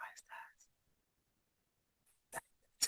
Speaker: y es muy muy claro se escucha. Entonces, en bajito lo puedes escuchar mejor todavía y ahí te va definiendo pectoriloquia.